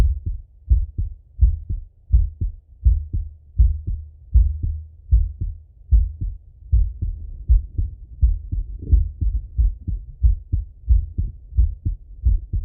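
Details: Full heart auscultation of a male, recorded either sitting at a desk or lying in bed: regular paired lub-dub at about 80 a minute with no extra sounds or murmur; normal heart sounds.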